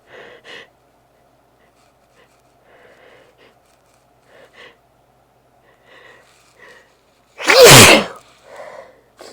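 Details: Person sneezing less than an hour after an intense sneezing fit, nose made super sensitive by trying to clear congestion: quiet sniffs and breaths build to one loud explosive sneeze, then more sniffing.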